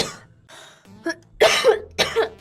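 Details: Girl with a tickly throat, not painful or blocked, gives a few soft throat sounds, then two harsh, forceful coughs in quick succession.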